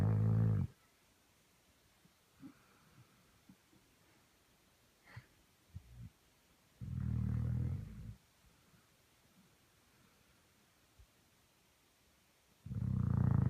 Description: Dog snoring on Bed!!!